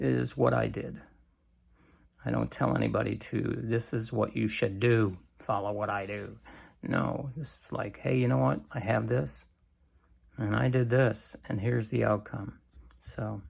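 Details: Adult man with cancer and a bile duct stent that his doctor says needs clearing more often; creaky voice, which he attributes to lack of strength, especially in the morning.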